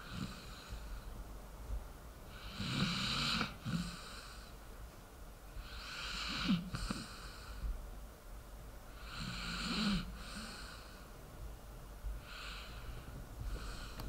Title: Dog sleeping and snoring ASMR